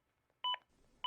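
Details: A Zoll AED Plus gives two short electronic beeps, then a third starting as the sound ends: real-time CPR chest-compression feedback prompts.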